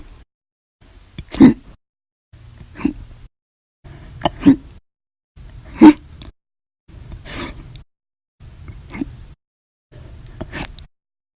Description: The Violent, Loud, Silent, Minute Hiccups lasted 13 Hours and 14 Minutes for after eating Breakfast, Lunch, and drinking 1 cup of soda after Dinner on 7/26/19.